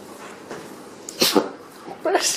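A sudden breathy sneeze from an animal, followed by a second softer burst, over outdoor background noise.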